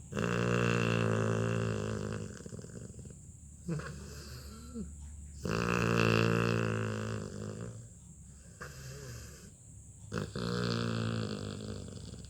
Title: LABRADOR puppy SNORES LOUDLY as he cuddles and sleeps on mom's lap. He wouldn't let MOM move at all!